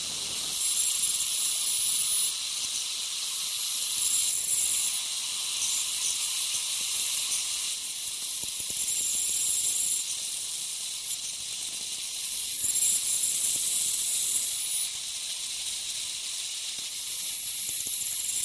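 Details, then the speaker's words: Ultrasonic piezosurgery unit with a round diamond tip cutting a dental sinus window osteotomy for sinus lift: high hissing spray with faint high tones coming and going as the tip sweeps gently over bone. "I'm going to continue uh with the same hand uh with the same tip it's a diamond uh kind of round almost looks like a large round bar Diamond tip"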